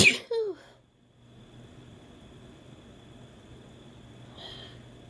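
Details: A woman sneezing after her first use of chhinkni snuff: a single sharp sneeze with a brief voiced tail, then quiet room noise and a faint breath.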